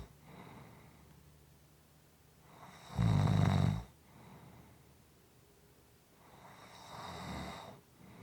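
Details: Slow breathing during sleep with a loud, low rumbling snore on one breath and softer snores on others; ordinary snoring.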